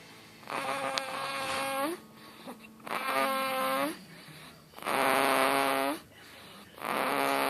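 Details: 2-month-old baby snoring, louder than Dad: four tonal, buzzy, snore-like breaths within a few seconds, each ending in a rising squeak, with quiet gaps between them.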